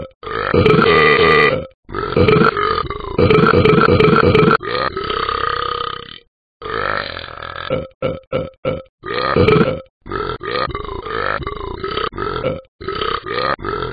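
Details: Animated game character Talking Ben the dog burping: long, rumbling belches followed by a string of short burps.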